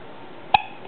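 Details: Newborn girl, 9 hours old, with her first hiccups: one short, sharp, high hiccup over quiet room noise.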